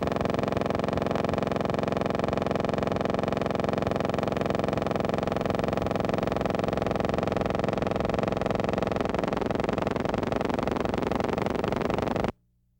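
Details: Teaching recording of complex repetitive discharges on needle EMG: steady, machine-like buzzing discharge that stops abruptly. These discharges often accompany profuse fibrillations and positive sharp waves and cease with minimal needle movement from the generator.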